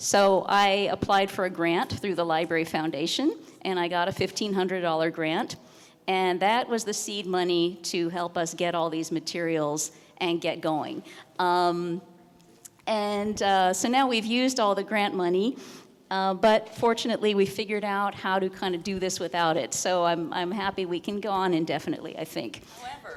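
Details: Adult woman speaking; normal speech.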